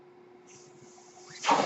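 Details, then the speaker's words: The speaker's own mechanical ventilator during podcast speech: a steady machine hum, then a sudden airy whoosh as the ventilator cycles. "name is that noise one ventilator and thank you for tuning in page-turners they were not my Star Wars podcast"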